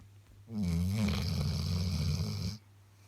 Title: Snoring Labrador